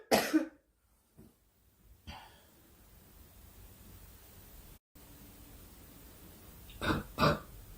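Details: A young woman coughing during a Korean livestream, saying she has a cough and wishing it would stop: one sharp cough, then quiet throat-clearing and two more short coughs over low room noise.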